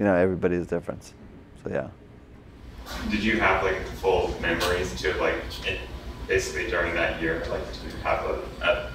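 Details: Adult man speaking; typical speech.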